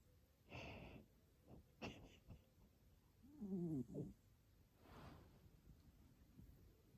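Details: Cat that has apparently recently started snoring when asleep: soft, noisy breaths with a brief snorting, buzzing sound in the middle; snoring.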